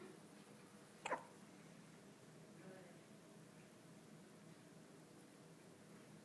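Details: Newborn baby on his first day of life hiccups: a single sharp, abrupt catch of breath against quiet room noise; hiccup.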